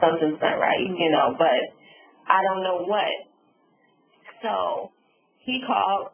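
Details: Adult woman after subarachnoid hemorrhage and stroke, with word-finding difficulty; finding: aphasia with apraxia of speech.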